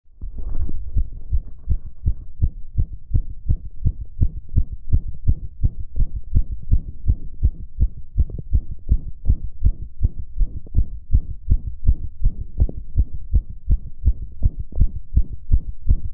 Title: Male Fast Pleasure Heartbeat 💓💓